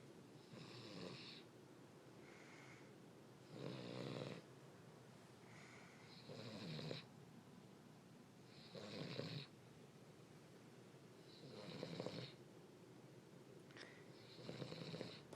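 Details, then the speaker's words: Sleeping King Charles spaniel snoring, its usual sounds: steady rough, rattling bursts at about 23 per minute in a quiet room. "are you sleepy are you sleepy yes but are you snoring with your eyes open yes uh"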